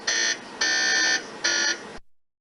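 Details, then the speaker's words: Loud buzzing tones in three bursts: MRI scanner gradient noise generating different frequencies to form images, played from a video during a talk. "this is actually the sound that's coming from to generate different frequencies and using that to generate images"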